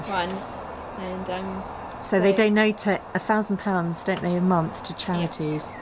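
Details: Adult woman speaking; typical speech.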